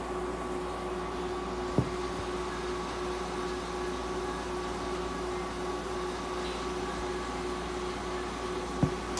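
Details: Veterinary treatment of a budgerigar: steady, even hum with a faint steady tone and two soft clicks from an ICU incubator running warm, humidified oxygen therapy.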